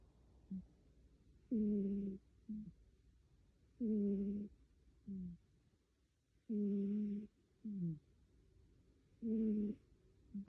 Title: Cat Snoring